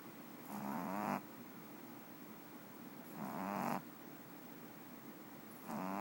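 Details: Dog (Boba) snoring while napping: loud rattling snores on each breath in, about 23 a minute, with quiet breaths out between them.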